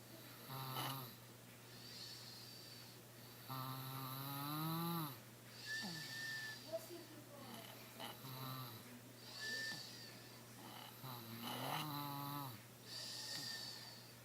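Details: Repeated raspy, whistling snores with squeaky, nasal tones roughly every two to three seconds over a steady hum; snoring during sleep.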